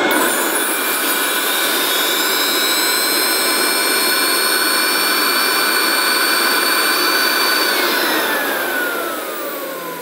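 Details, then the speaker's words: Steady loud motor whine with a high hiss, easing off toward the end: a dental vacuum forming machine running for about 20 seconds to adapt heated material over a model. "i normally allow a good 20 seconds for the vacuuming to take effect and this is to ensure that i'm going to get perfect adaptation for over the model"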